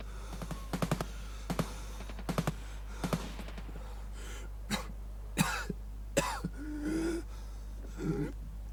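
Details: Coughing: bursts of short, dry coughs, then several harsher, throaty, strained coughs against a low steady hum.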